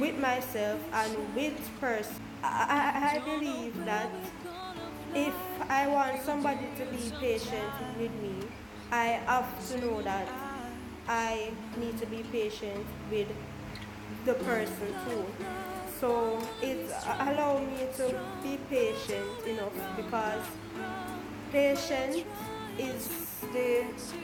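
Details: Adult woman, a Jamaican stutterer, speaking about her own stammer; stuttering.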